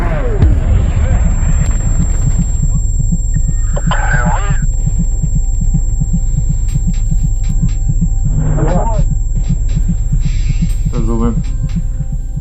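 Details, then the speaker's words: Simulated tinnitus: a steady high-pitched whine runs throughout over low pulsing music, imitating the ringing from noise exposure at shooting ranges, hunting or noisy workplaces. "Da li vam je poznato ovo pištanje? Ukoliko vreme provodite u Streljani, u lovu ili na bučnom radnom mestu onda ste veoma verovatno upoznati sa ovakvim tipom zvuka."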